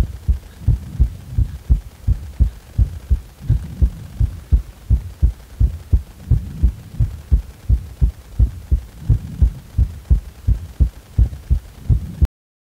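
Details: Self-recorded heartbeat with regular low thumps around 86 per minute, described as suddenly speeding up with a jolting, trembling sensation at the moment of acceleration: palpitations with sudden heart rate increase.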